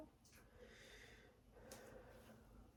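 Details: Stethoscope auscultation over the back during repeated deep breaths: soft, even airflow in and out, no wheeze or crackles; all lung fields clear, normal breath sounds.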